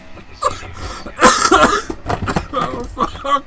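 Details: Man with third cold of winter, recurrent ear infections and chest complaints over two months: several harsh coughs and throat clearing mixed with speech and racing-game music.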